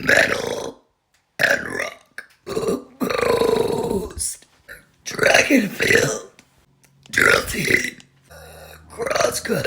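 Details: Girl deliberately burping while listing her likes and interests: a string of loud, drawn-out, voiced belches with short pauses between them.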